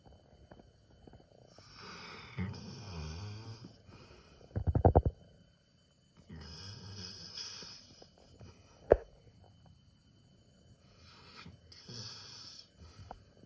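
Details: Sleeping Labrador puppy snoring: slow, rattling snores on the in-breath with quiet pauses between, plus a few brief snorts.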